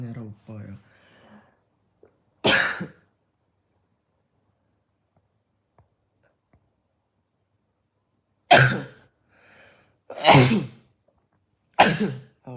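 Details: Four sharp, explosive sneezes from adult K-pop group members, with brief voiced sounds between them in a quiet room; sneezing.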